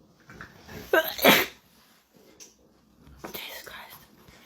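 A quick run of sharp, explosive sneezes, each with a short intake of breath before it. Ordinary sneezing.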